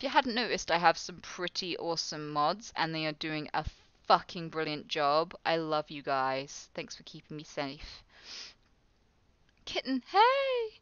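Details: Real Tourette syndrome in a live streamer, with involuntary vocal tics including swearing and phrases; the streamer describes sometimes trying to suppress tics; finding: Tourette syndrome vocal tics.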